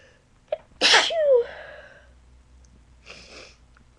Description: This is me Sneezing with a cold as well as allergies... btw i got a betta mic so this is rlly how my sneezes sound like